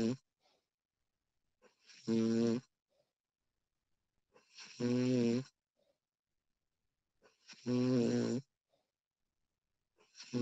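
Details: Real recording of a woman snoring during sleep: loud, rattling snores on each in-breath with quiet gaps, about 20 breaths a minute.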